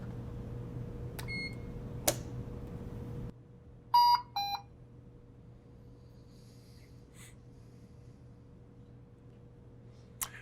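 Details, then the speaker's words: Puritan Bennett 560 ventilator switched off and back on after quick-start setup to enter normal ventilation mode: a few electronic beeps and clicks, then a quiet steady hum; normal start-up tones. "so at this point I need to turn the unit off and back on to get in the normal mode of ventilation so I'll do that now and then we'll turn it back on"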